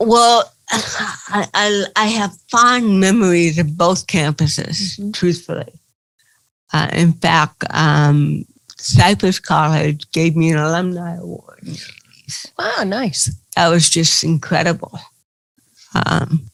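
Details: Dysarthria in an adult woman with cerebral palsy.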